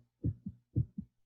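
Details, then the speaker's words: Heartbeat played in a lesson on the circulatory system: two clear, low lub-dub beats with no extra sounds between them. Normal heartbeat with first and second heart sounds. "Batimento cardíaco. Então, ele se inicia aqui na aurícula direita, tá? Ele vai se espalhando para todo o coração por dentro e retorna pelos ventrículos pela parte de fora."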